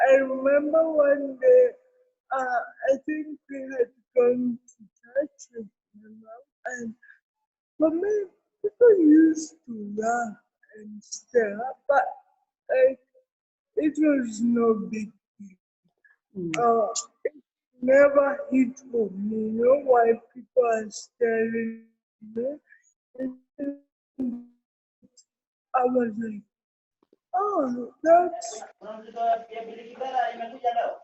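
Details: Adult woman with cerebral palsy, with dysarthria.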